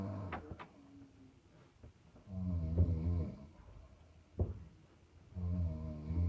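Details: Human snoring jokingly likened to a hibernating bear: low, rumbling, throaty snores with a few short snorts and grunts between them.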